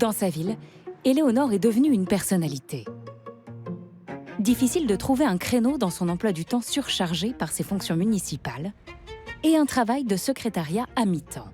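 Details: Adult female narrator; normal speech.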